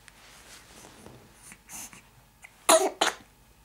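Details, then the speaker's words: Female (girl) triple sneeze: quiet snuffling, then sharp explosive bursts close together; three sneezes in a row. "Oh, good girl. 3 in a row. Well done."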